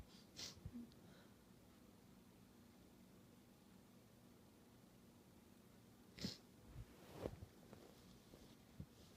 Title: sniffle, sneeze, honk